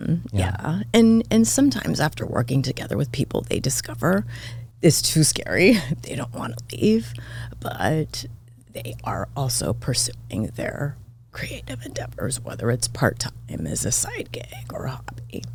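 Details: Adult woman diagnosed this year with spasmodic dysphonia, vocal cord spasms, attributed partly to voice overuse and stress; voice cuts in and out, sometimes hoarse, apparently occurring during this interview.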